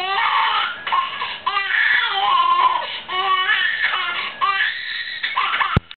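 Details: Crying of 8-month-old baby: repeated rising and falling wails with brief catches of breath between bursts; ordinary infant cry.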